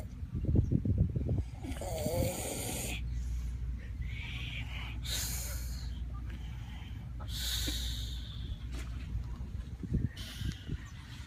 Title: Good grief this guy can snore